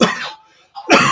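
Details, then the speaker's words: Person coughing over background music playing from a toy turntable; cough. "hopefully you can hear me cough over the background music"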